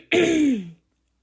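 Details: Imitated barking cough, deliberately produced by the uploader trying to copy a barking cough.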